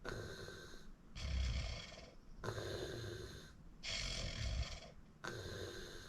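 Rough, rattling snores on each breath, about three to four breaths heard, with uneven rhythm.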